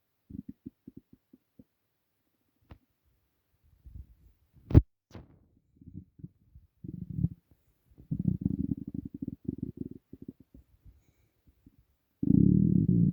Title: Empty Stomach rumbling